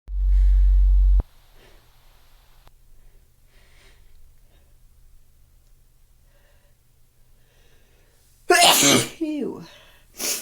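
Long quiet stretch, then a loud explosive sneeze near the end followed by the start of another.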